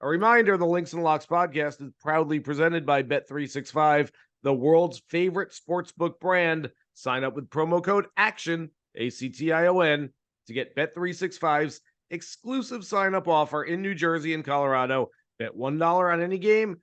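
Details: Adult male speaker; normal speech.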